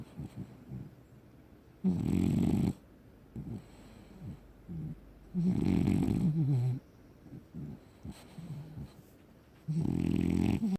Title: BAZZ, French Bulldog, black and tan has a good snore